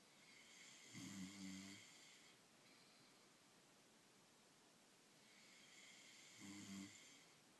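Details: Snoring: two slow, buzzing inhaled snores about five seconds apart, each followed by a soft hissing exhale; ordinary snoring at about 11 breaths a minute.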